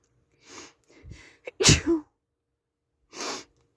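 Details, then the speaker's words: Person sneezing in a car on a rainy day, saying they feel very sneezy: quick gasping intakes, then one forceful explosive sneeze and a short breath out; a single sneeze. "I'm just feel really Sneezy right now oh God and I'm going to sneeze"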